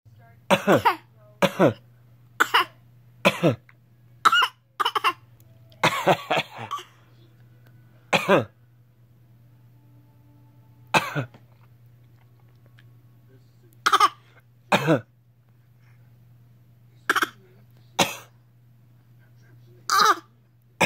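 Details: A 7-month-old baby boy copies his father's coughing: short, dry cough bursts alternate between adult and baby over a steady low hum; imitated cough.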